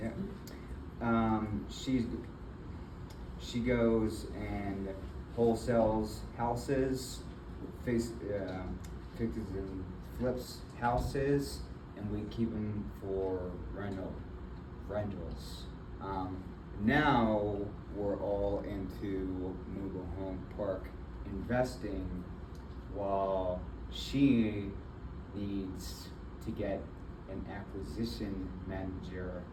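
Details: Adult man with aphasia and apraxia of speech after a stroke in February 2024, with several further strokes. He was initially nonverbal, with right arm and leg impairment, and is still in speech therapy. Finding: aphasia with apraxia of speech.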